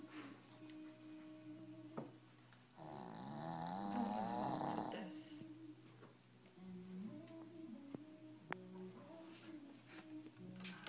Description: My dog Beezer is snoring though dinner, it's hilarious!!!!!